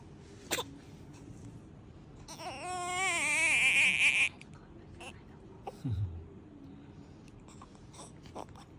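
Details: Newborn baby making sounds: a short, high-pitched wavering cry of about two seconds, with soft whimpers and small sounds around it.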